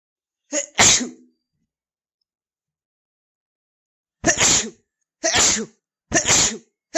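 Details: Dog sneezing: five sneezes, the first as a quick pair, then three more in a row.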